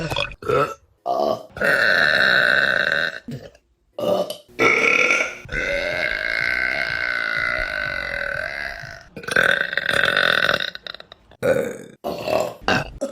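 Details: Several long, loud, voiced belches one after another, separated by brief pauses; repeated burping.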